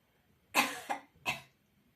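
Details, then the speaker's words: Three short, forceful voluntary coughs made seated upright with feet on a firm surface, mouth open and tongue held maximally protruded; swallowing-rehabilitation exercise after stroke or brain injury. "Открыть рот, максимально вывести язык вперёд и откашляться."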